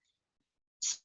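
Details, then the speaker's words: Cavernous (cavitary) breath sound, an inspiratory, hollow, airy blowing sound imitated by the speaker. It corresponds to a cavity or abscess, usually in the upper lobe. "el soplo cavernoso o cavitario se escucha en inspiración Y corresponde a la presencia de habitaciones en el lóbulo superior habitualmente o donde está la caverna o absceso inspiratorio se escucha como algo así"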